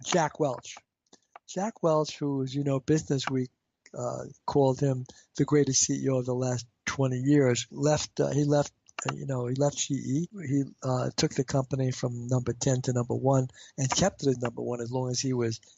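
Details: Stuttering in an adult man who has stuttered since age five, had intensive fluency therapy and uses fluency targets, yet still reports blocks.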